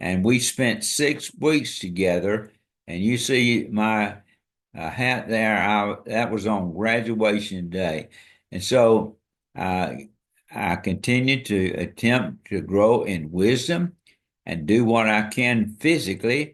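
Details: Dysarthria from ALS in an adult man diagnosed February 2024 after earlier diagnoses of Parkinsonism, Parkinson's disease, spastic paraplegia and primary lateral sclerosis; his walking and speech are failing and hand use is limited.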